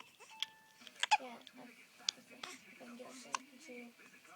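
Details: Infant hiccups: an infant makes soft cooing and fussing sounds, broken by several sharp, brief hiccup clicks, about five in four seconds.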